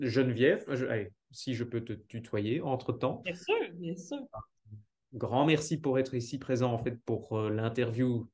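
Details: Adult male; normal speech.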